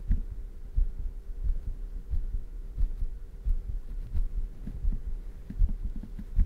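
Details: ASMR heartbeat recording at high microphone sensitivity, no talking, with shirt noise: soft, low, muffled thumps at roughly 88 a minute under a steady hum; a fairly quick heartbeat.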